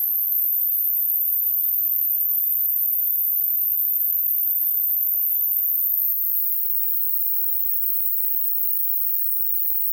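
Very high, steady pure tones that step upward in pitch, used to test the upper limit of hearing.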